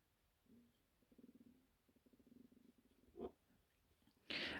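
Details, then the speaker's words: Adult woman's stomach rumbling: low, bubbling gurgles in short pulsed runs, normal borborygmi; she suggests she might need more water. "I do apologise if you can hear my tummy rumbling. Might need to drink some more water."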